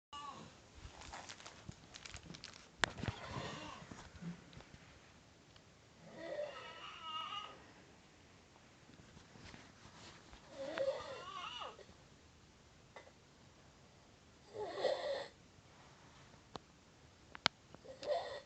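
Unusual, warbling snore bursts at about 15 a minute, separated by quiet pauses, in a small room.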